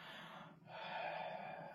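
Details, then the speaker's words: Pulmonologist demonstrating nebulizer use: after a brief pause, a long, steady, hissing deep inhalation through a nebulizer mask. It shows the normal deep breathing patients should be encouraged to take so the medicine reaches the lungs. "இந்த மாதிரி மூச்சு நல்லா இழுத்து விடு இழுத்து விடுன்னு சொல்லிட்டு கொஞ்சம் என்கரேஜ் பண்ணுங்க"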